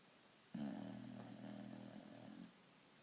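One low, buzzing, droning snore lasting about two seconds against quiet room noise.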